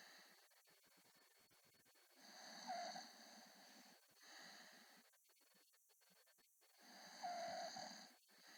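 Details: Adult man snoring: two squeaky, whistling snores with a high tonal edge about 5 seconds apart, quiet breathing between them.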